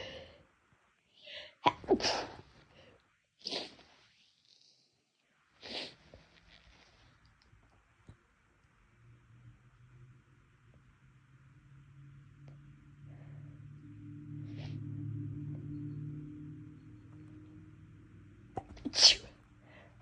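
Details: Induced sneezing after an unusually sneezy day with no apparent cause: several sharp, loud sneezes with short breathy intakes between them, a low hum in the background partway through.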